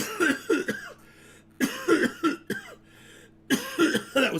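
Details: Adult with a cold, who first blamed the cannabis smoke and now thinks the germs came from a puppy. Three clusters of harsh repeated cough bursts with short pauses between them.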